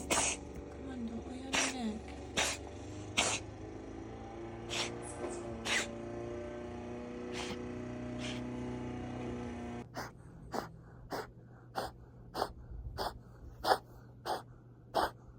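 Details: 7-month-old cat, episodes since last month, on meds; vet x-rays suggest possible heart failure or asthma: run of short, sharp, repeated cough-like bursts.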